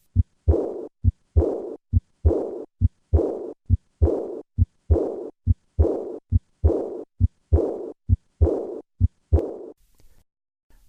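Regular heartbeat near 67 a minute, each beat followed by a soft blowing decrescendo murmur after the second sound, heard with breath held: aortic regurgitation.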